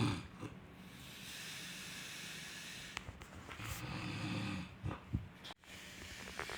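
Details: Low, rattling rumble on breathing in, repeating as two long vibrating breaths over background hiss; snoring.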